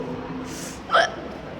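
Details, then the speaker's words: Person with hiccups while walking back from town: a single sharp, abrupt vocal hiccup over quiet background noise. "woo okay we're walking back from town I have hiccups K's laughing at me because I have hiccups"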